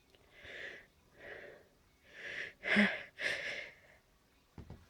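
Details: Tail end of an allergy sneezing fit at night: a run of breathy inhalations building to two or three quick successive sneezes.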